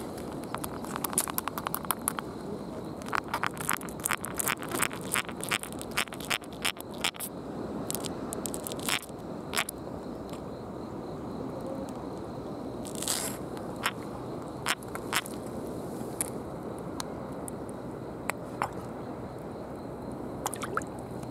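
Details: Pufferfish caught in a tide pool, belly twisted to provoke inflation as a threat display: rapid sharp clicks and crackles of teeth grinding while it gulps air through its mouth, over outdoor noise.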